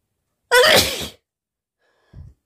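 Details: Sneeze during a sneezing and nose-blowing challenge: one loud, explosive sneeze lasting about half a second, then silence and a brief soft sound.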